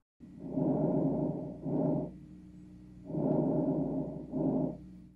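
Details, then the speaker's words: Normal vesicular breath sounds during respiratory assessment auscultation, patient breathing normally: soft, low-pitched rustling over the peripheral lung fields, with inspiration longer than expiration. "low and soft and heard over the peripheral lung Fields where air flows through smaller bronchioles and alvioli"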